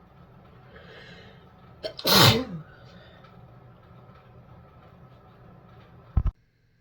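A short breath in, then one loud, explosive sneeze in a quiet room, and a faint rustle a few seconds later: an ordinary sneeze.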